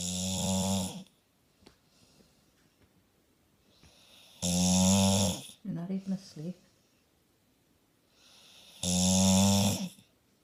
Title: Snoring staffy